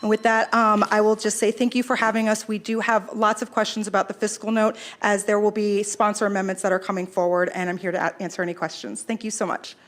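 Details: Adult woman speaking; normal speech.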